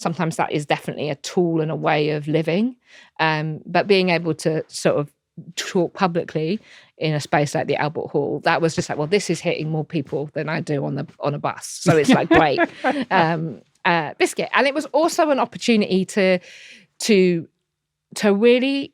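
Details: Tourette syndrome in an adult woman diagnosed in her early to mid 20s and a wheelchair user, with frequent involuntary vocal tics of repeated words, including coprolalia.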